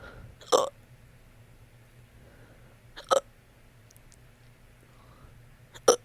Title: help lmfaoo #funny #hiccups #hiccupburps